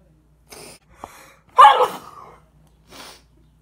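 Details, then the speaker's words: During a prolonged sneezing attack with sneezes every two seconds while reading: catching breaths, then one loud voiced sneeze followed by a quieter breath out. "but i'm having like full blown can't stop every two seconds sneezes i swear it hasn't changed like i'm still in the same position"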